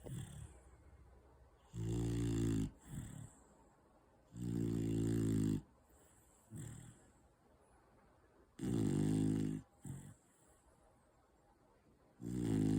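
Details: Four-month-old Beagle Bull puppy snoring while asleep: loud, buzzing snores on each breath in, about 16 a minute, with short snorty breaths out between them.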